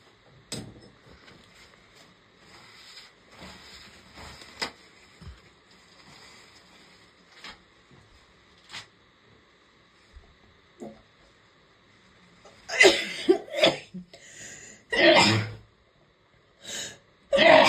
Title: Strong momma sneezes